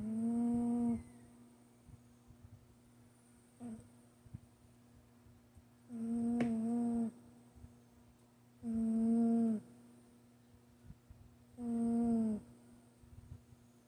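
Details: Sleeping cat during a nap giving soft tonal snores about every 3 seconds, roughly 20 a minute, with quiet room noise between; ordinary snoring.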